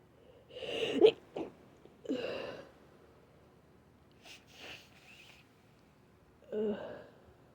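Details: Suspected cold, with the nose super stuffy lately: stuffy, wet sniffles, two nose blows and one sneeze, with short nasal bursts fitting nasal congestion; sniffling and sneeze.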